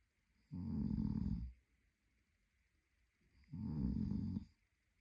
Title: Snoring Boyfriend | My favorite Whitenoise